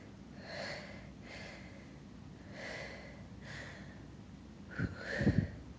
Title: Variety of sneezes, finger under nose